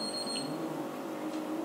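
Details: Woodpex III Gold Standard dental apex locator, new, fully charged, tested outside the mouth (not on a patient): steady electronic beeping signal tone, confirming it works.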